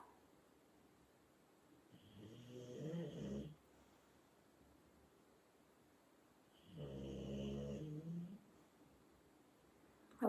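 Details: Sick bulldog asleep during a meditation session: two loud, rumbling snores on the in-breath, several seconds apart, in a quiet room; snoring.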